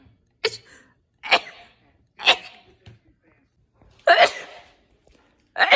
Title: TikTok Sneezing 5